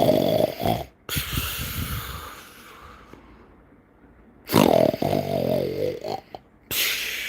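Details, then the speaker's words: Deliberate snoring imitation by a person making ASMR sound effects: loud, rattling, snore-like snorts between quiet gaps, with a little background music. "It was so funny because I used some snoring of someone else the other day and myself because that was available to be used for that."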